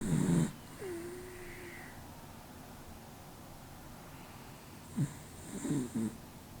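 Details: Short, low rumbling snores from a sleeping cat, about five seconds apart, with a faint nasal whistle in between over quiet room noise: snoring.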